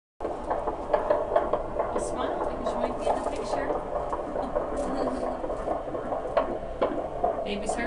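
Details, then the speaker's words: 17-year-old at 36 weeks 5 days pregnant, prenatal appointment: fast whooshing Doppler pulses of the fetal heartbeat at about 138 a minute, stated as normal. "I'll have her record while we do the heart rate and measurements of my belly and stuff like"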